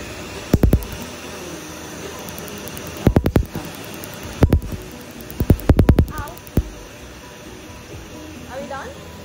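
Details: Laser tattoo removal of a unicorn tattoo on a female shoulder: bursts of sharp, rapid clicking laser pulses over the steady blowing hiss of an air chiller numbing the skin, with background music.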